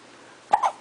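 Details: A single short, sharp hiccup from a 7-week-old baby boy, with a brief voiced sound after it, in a quiet room.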